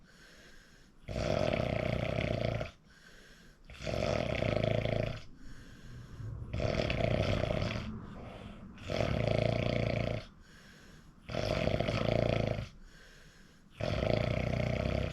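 Loud, rough snores with each breath in, about six in 15 seconds, separated by quieter breathing out; heavy snoring.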